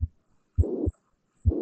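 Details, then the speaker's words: Mitral regurgitation: heartbeats with a pansystolic murmur of steady, even loudness filling the whole gap between first and second sounds, unlike the crescendo-decrescendo of aortic stenosis. "ที่ metal regurgitation เนี่ยเสียงนี่เกิดตั้งแต่ต้นเลยไม่ได้ค่อยๆพีคขึ้นเหมือนกับ AS นะครับถ้าเทียบกันเสียงของ AS เนี่ยจะค่อยๆพีคขึ้นแล้วก็พีคลงอย่างนี้นะฮะแต่ถ้าเกิดเป็น MR เนี่ยเสียงมันจะเกิดเท่ากันตลอดเวลาไปเรื่อยๆเลยนะครับเรียกว่า pan systolic murmur นะครับ"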